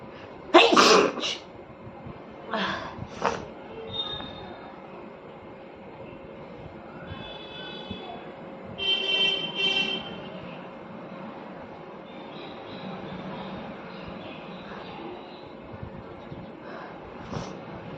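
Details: A woman's induced sneezing, triggered with paper as part of a sneezing challenge: a sharp explosive sneeze early on, then a few smaller bursts over a steady background hum. Afterward her nose is red.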